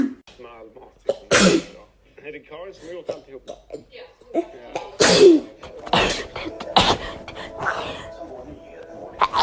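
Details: Several sharp, explosive sneezes in quick succession from a girl, with brief breathy sounds and vocal noises between them; rapid repeated sneezing.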